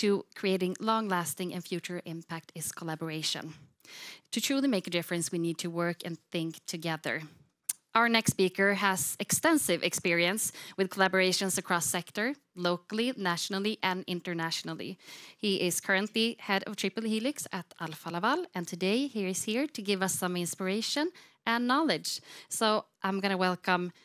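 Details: Adult woman speaking; normal voice.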